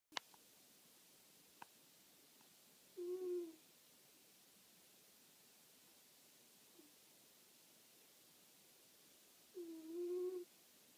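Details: Sleeping cat snoring: two soft, tonal, whistling snores about six seconds apart in a quiet room.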